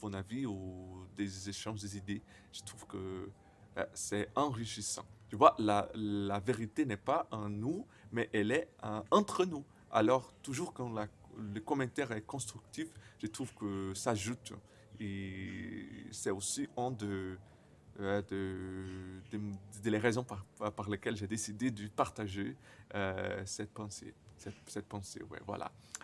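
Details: Stuttering in a 28-year-old Brazilian man speaking French as a second language, who says his stutter often involves silences and at times many repetitions.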